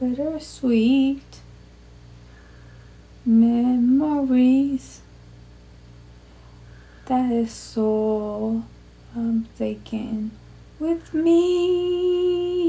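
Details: Adult woman after a basal ganglia intracerebral hemorrhagic stroke (Thanksgiving 2019), with difficulty producing intended words, repeating words haltingly while attempting a familiar intro: non-fluent (Broca's) aphasia with apraxia of speech.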